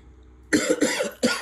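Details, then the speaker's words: Two short, harsh coughs from an adult; sneezing at first has now turned into a cough. "Sorry गाईस. खोकला आहे थोडासा मला आणि खूप जास्त खोकला होता. म्हणजे खोकला नव्हता, मला शिंकाच होत्या पहिले. आता तो खोकल्यामध्ये कन्वर्ट झालाय."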